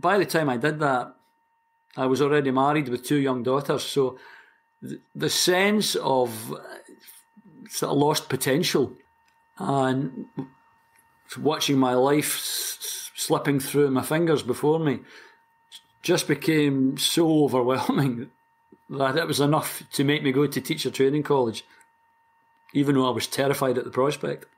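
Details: Stuttering (stammering) in a 60-year-old man from Glasgow, Scotland, who has stammered since about age four, for as long as he can remember.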